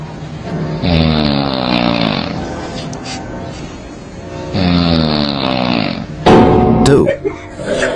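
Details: Two loud, rattling snores about four seconds apart, with music playing in the background.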